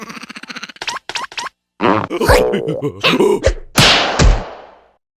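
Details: Simulated animated cartoon sneeze: squeaky vocal noises build up, then one explosive, hissing burst that fades out.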